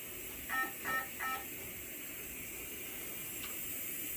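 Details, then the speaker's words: Three short beeping tones over steady airflow hiss from a heated high-flow nasal cannula device, alarming because oxygen reads 100%, above the 95% high limit. "what's happened is the the reason you hear the alarm right now is because it is saying 100% o2 too high now the reason for that is simply because if you'll notice here the high limit for the o2 is set at 95 so if you go above 95 they're going to get that alarm"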